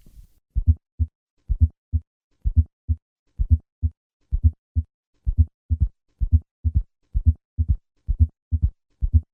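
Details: Aortic stenosis with both third and fourth heart sounds: regular low heart sounds about 64/min with soft extra sounds before and after the main pair (gallop), presented as S4, then S3 added, then the late-peaking systolic ejection murmur.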